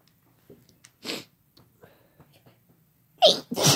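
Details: Two sharp explosive sneezes near the end after quiet moments of faint sounds, from a woman or man in a sneezing compilation.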